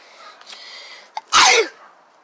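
A brief intake of breath, then one loud, explosive hissing burst: a single sneeze.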